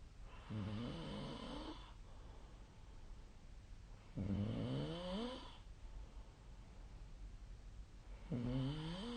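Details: Three loud, vibrating snores with a wavering pitch, about four seconds apart with quiet gaps, roughly fifteen breaths a minute; ordinary snoring during sleep.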